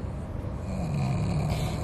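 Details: A short, low rattling snore from a 4-year-old pug with a history of breathing problems, recorded before surgery to improve his breathing; noisy brachycephalic airway breathing.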